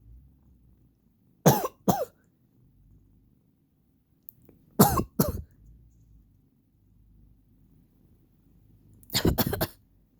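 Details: Seven short, dry coughs in three clusters with quiet between, from a person with allergies; the cat Shiro dislikes the coughing.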